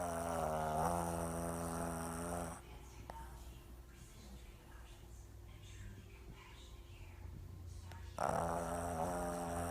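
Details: Two-year-old pug sleeping on a chair: loud, rasping, buzzy snoring with a quieter stretch between noisy breaths; snoring.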